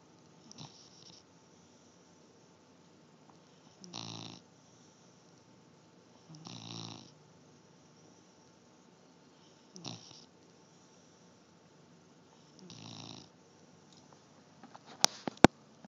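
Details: Soft rattling snores about every three seconds with quiet pauses between, ending in a few sharp knocks; snoring during sleep.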